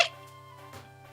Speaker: Because I took off the noise suppressor. You can hear the hiccups like way clearer now.